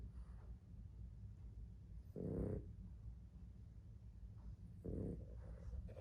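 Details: Pet dog sleeping: two low, rough snore bursts over steady low background noise; snoring.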